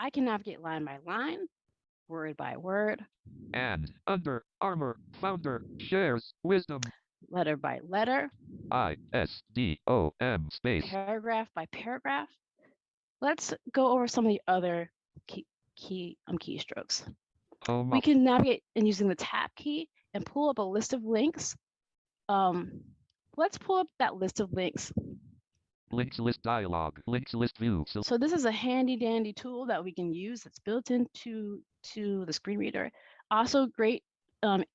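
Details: Adult woman who states she stutters and that it is heard throughout her presentation; stuttering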